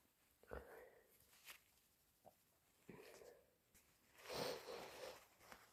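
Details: Induced sneezing: quiet sniffs and short bursts, then one loud, harsh, wet sneeze, with thick sniffles and nose blows.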